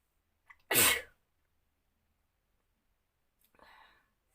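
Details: One loud, explosive sneeze after a brief in-breath, then a soft breathy sound; sneeze deliberately induced in a sneezing challenge.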